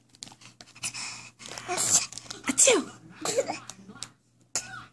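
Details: Several sharp, hissing sneeze-like bursts in quick succession with short gaps, amid repeated spoken "achoo"; a sneezing fit, with "sneezing" quoted in the original caption.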